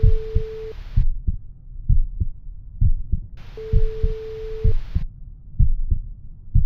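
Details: Normal resting human heart sounds recorded through a simple homemade stethoscope microphone: steady, regular paired low thumps at about 65 beats a minute, with hiss and beeps added to the sample.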